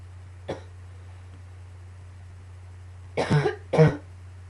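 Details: A faint throat sound, then two short harsh coughs close together over a steady low room hum, during a coughing fit combined with allergies; cough.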